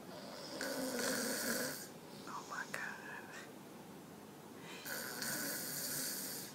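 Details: 2-year-old child snoring very loudly: two loud, harsh, hissing snores separated by a quieter breath, with faint background sound.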